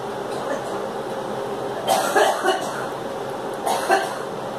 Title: Girl coughing